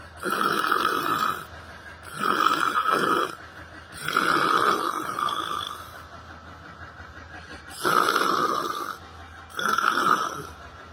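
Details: Loud, rough snores from a person sleeping while sitting on a bench in a library, about five in eleven seconds with irregular gaps; ordinary snoring during sleep.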